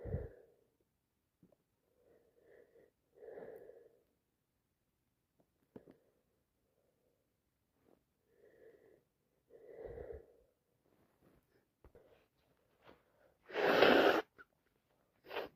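Repeated soft building gasps over many seconds, ending in one explosive sneeze and the start of another; sneezing fits from allergies.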